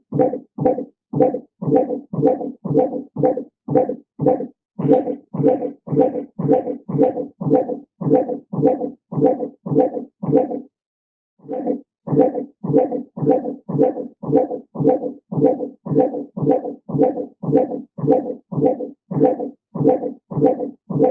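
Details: Intermittent fetal heart auscultation in labour, first baby, heard just after a contraction has stopped: rapid, regular Doppler fetal heartbeats around 130 a minute with a brief speeding-up in the middle, a fetal heart rate acceleration.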